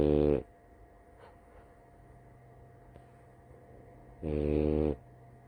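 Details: Female French Bulldog napping, snoring: two loud, rattling, buzzy snores about four seconds apart, with quiet breathing between.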